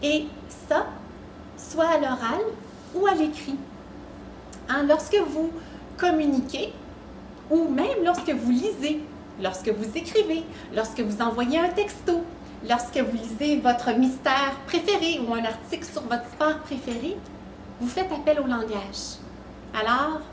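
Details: Adult woman; normal speech.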